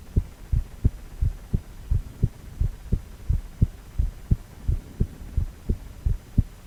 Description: 4-chamber View of male heart with heartbeat sound.